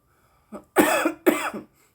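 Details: Woman smoking cannabis: a quick burst of two or three harsh coughs after smoking.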